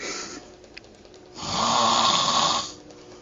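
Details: Man snoring loudly: a harsh, rasping snore on one long breath of about a second, with quieter breathing around it.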